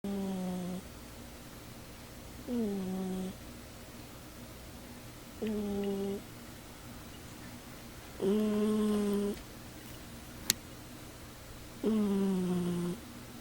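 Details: Cat snoring loudly while asleep on a chair: soft tonal whistling snores with each breath, about 18 a minute, over steady room hum.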